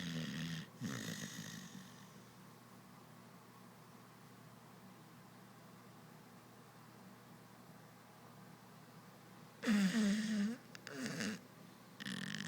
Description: Very cute dog snores, like and old man.